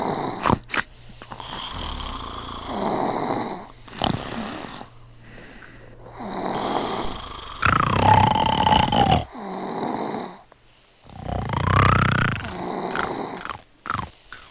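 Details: Simulated, exaggerated cartoon snoring from an animation soundtrack: repeated rasping snores with whistling out-breaths as characters sleep.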